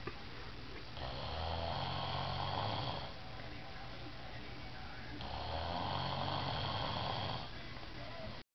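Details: Child snoring extremely loudly: two long, loud, rough rattling snores about 4 seconds apart, with low rumble and faint room noise.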